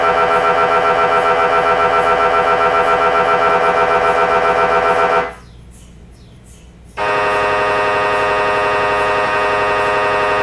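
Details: Loud, rapid rhythmic electronic buzzing and knocking, pausing briefly before resuming; normal MRI scanning noise.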